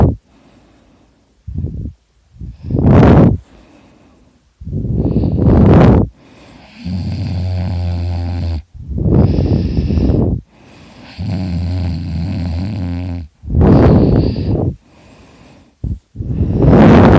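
Very loud, rough, rattling snores with low buzzing on inhalation, alternating with quieter breaths; heavy snoring.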